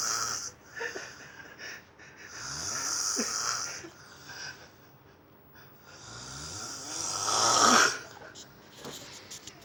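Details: Loud, rough, rattling snores with noisy breaths between them; ordinary snoring.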